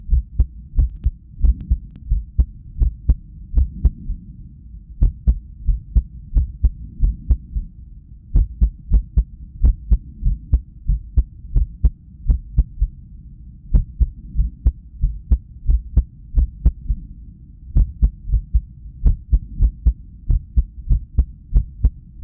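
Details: Cardiac ultrasound with sound, recorded at rest during arrhythmia brought on by lack of sleep: whooshing Doppler heartbeat pulses at uneven intervals with occasional pauses, an irregular rhythm.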